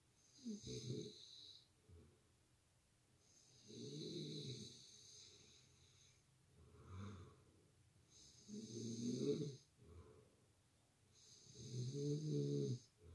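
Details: Heavy snoring by a man, likened to a grizzly bear, loud enough to wake his partner: loud, rough, rattling snores on inhalation, softer breaths between, about four cycles in thirteen seconds.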